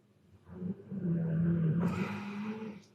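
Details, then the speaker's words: Sleeping Cane Corso (Italian mastiff), very flat-faced female dog, snoring loudly: one long, loud, low rumbling breath with a rough, noisier end, pausing briefly then resuming; snoring. "might not throw some wood on this fire too marley hey marley she'll stop snoring for like two seconds and she'll start up again"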